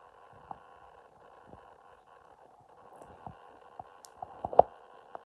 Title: My stomach noises